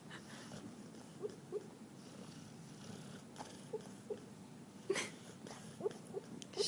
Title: Our dog Juno snoring and dreaming